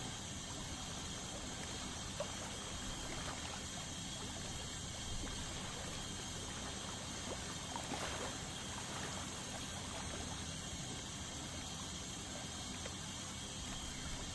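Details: Ultrasonic dental scaler removing tartar during a dental scaling cleaning: steady high hiss and faint whine with water spray noise throughout.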